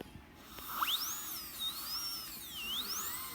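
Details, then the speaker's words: High-pitched whine rising and falling as a fine diamond bur trims excess composite flash at the margins of a filling on tooth number 20, feathering buccal and lingual. "so I like to start off with diamond bur a fine diamond bur like this and then go around"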